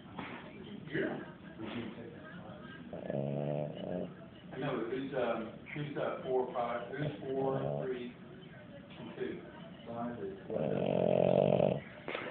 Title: Boston terrier snore